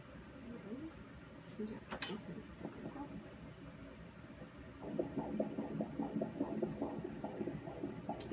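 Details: Fetal heartbeat on ultrasound at 29 weeks of pregnancy: fast, regular whooshing beats, about 145 a minute, emerging after a stretch of muffled noise.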